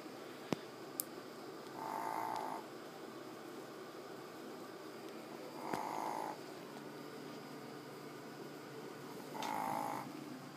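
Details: Sleeping fat chihuahua snoring: three soft, buzzing snores about four seconds apart, roughly 16 breaths a minute.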